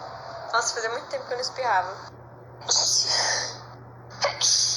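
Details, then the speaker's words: A voiced wind-up, then sharp hissing repeated sneeze bursts from a Brazilian Portuguese speaker, who remarks they hadn't sneezed in a long time; steady low room hum. "Para na vida. Nossa, fazia tempo que eu não espirrava."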